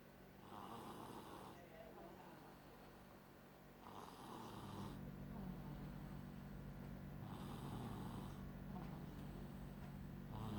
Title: Snoring Princess..😅😅😅😆